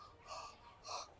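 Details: Chicken with a cold (respiratory infection), with nasal discharge, swelling and a "khek" cough, breathing with effort: two short, hissing, wheezy breath noises, labored noisy breathing.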